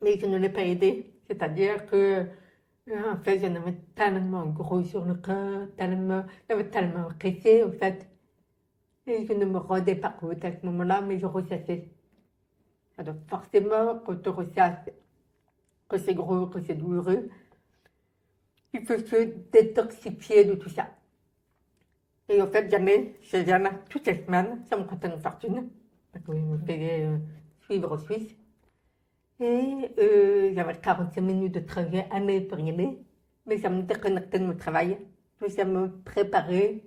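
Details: Adult French-speaking woman, profoundly deaf from birth, who relies on lip-reading and had thousands of hours of speech therapy; she says people only began to understand her speech at age 12; deaf speech.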